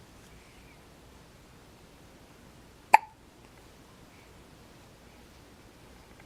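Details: Hiccup in a 4-day-old baby boy: one brief sharp hiccup in a quiet room, with faint background hiss.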